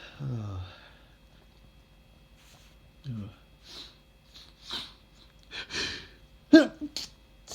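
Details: An adult reading a light novel aloud before taking morning medication is interrupted by a run of sharp sneezes with gasping breaths between, in a quiet room: allergic sneezing.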